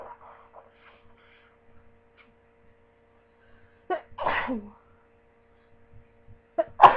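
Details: Person lying in bed with a cold, sneezing rapidly: quiet breathing, then a sharp sneeze at about four seconds and another burst at the end.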